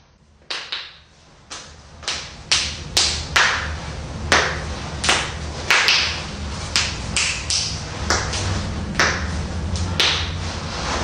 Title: cracking knuckles #shorts